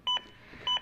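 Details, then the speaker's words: Zoll AED Plus Travel Trainer demo on a manikin with pads placed, Real CPR Help metronome: two short electronic beeps about 0.6 s apart, synchronized to chest compressions, pacing at least 100 per minute. "the metronome stops when I start a cup the beeps begin again and are synchronized to my compressions and again speed me up to at least 100 compressions"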